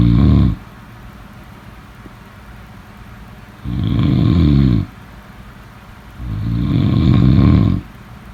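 Three loud, deep, rattling snores on breathing in, with quieter breathing between them; heavy adult snoring.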